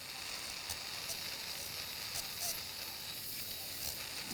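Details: Copious irrigation and suction during endoscopic ear surgery on a 26-year-old man with hearing loss, facial palsy and a whitish patch behind an intact eardrum: a continuous watery hiss.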